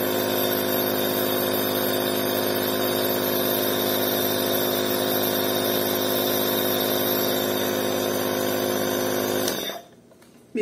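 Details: Omron InalaPop NE-C704 compressor nebulizer, a household inhalation device. A steady, loud buzzing motor hum runs for about nine seconds, then switches off, leaving near silence: the compressor nebulizer running.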